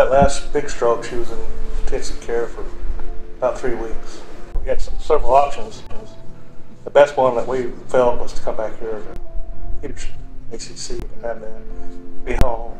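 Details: Adult man speaking; typical speech.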